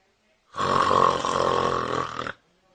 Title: Funny Baby The Reaction Of The Baby On The Fathers Snoring Funny Babies 125 125